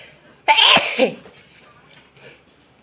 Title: more induced sneezing.